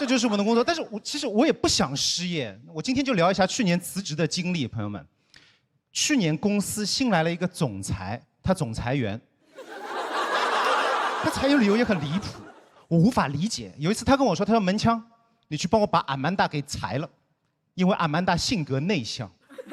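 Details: Adult speaker performing stand-up comedy; normal speech.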